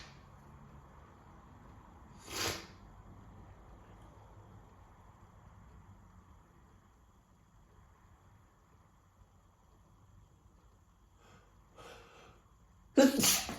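Quiet room, then a few short sharp nasal bursts, the last loudest, fitting sneezes during a cold.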